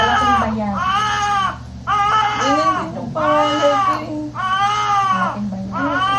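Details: Strong, rhythmic crying bursts with brief gasps, about four cries in six seconds, from a large newborn boy born at 9:38 after a fast, normal second delivery with no laceration: a vigorous normal newborn cry.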